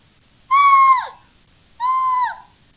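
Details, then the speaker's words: Teacher's vocal imitation of wheezing in a child's bronchitis lesson: two high, steady whistling notes, the chest whistle audible without a stethoscope, increasing during exacerbations; wheezing (vocal imitation). "Chiado no peito ou sibilância. Essa sibilância, aquele barulhinho chato que a gente escuta, não precisa nem de estetoscópio. De longe você ausculta."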